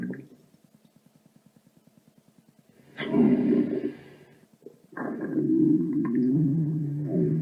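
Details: Sound-effect recording (stereo) of a rumbly tummy, not a real patient: rapid low fluttering gurgle, then loud drawn-out growling rumbles.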